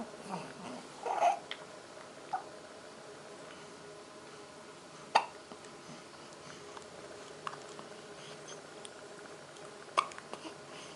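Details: Hiccups, recorded at home during play with toys: faint, brief, sharp catches recurring every few seconds over room noise.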